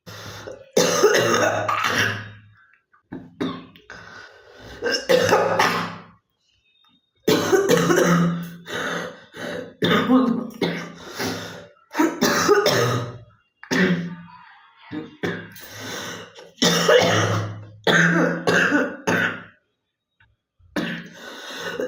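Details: Girl coughing: repeated throaty coughs and throat clearing in clusters separated by brief pauses.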